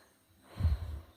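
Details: A single brief, low nasal snort, air forced through the nose, from a person with cold symptoms such as a runny, blocked nose, cough and sneezing; snort.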